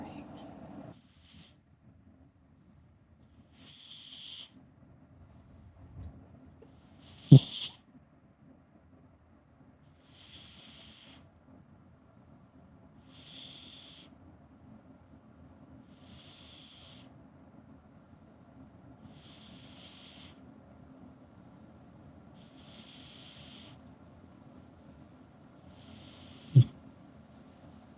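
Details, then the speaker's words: Sleeping male pet snoring softly with hissy snores about every three seconds, roughly 19 breaths a minute; snoring. "Oh my god, he's snoring."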